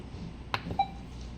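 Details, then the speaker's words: Comen S6 defibrillator in pacer mode: a soft click and short electronic beep as the pacing rate is adjusted, range 40 to 170, set to 60. "so if we selected 60 just press then when we want to select the P elect just press again"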